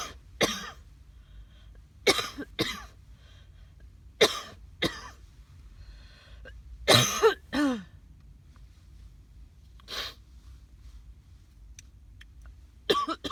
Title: Maybe walking dogs in rain didn't help stop coughing ☔️